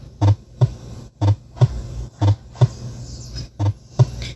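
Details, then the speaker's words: Simulated heart sounds from an auscultation practice app, about 60 beats a minute, with the first heart sound slightly widened and split: split first heart sound. "así como el primer sonido fuerte la división del primer sonido cardíaco"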